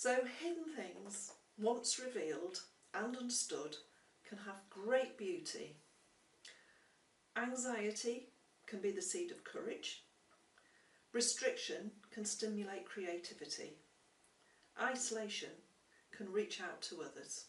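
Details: Adult woman speaking; typical speech.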